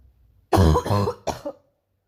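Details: Painful morning cough: a short bout of two to three harsh, rough, forceful coughs in quick succession, then silence.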